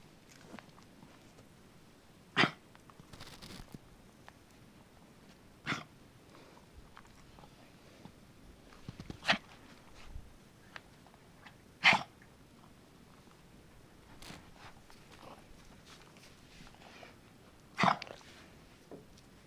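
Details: Dog hacking and coughing: about five sharp, dry hacking bursts over twenty seconds, with quiet breathing between.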